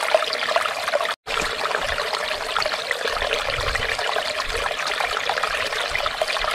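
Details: Continuous watery rushing and trickling with a brief break; running fluid during microscope-guided ear wax removal in a clinic.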